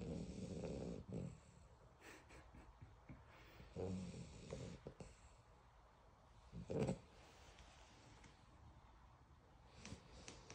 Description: Molly the beagle puppy snoring